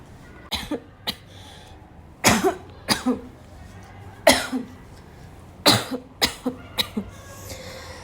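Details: Afternoon coughing fit that starts weak and grows violent: repeated harsh coughs in irregular bursts, about ten in eight seconds, some paired with throat clearing.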